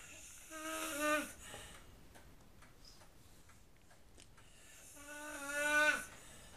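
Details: Two long, tonal, whistling snores on breathing in, about four seconds apart, with quiet breathing between; loud, very annoying snoring.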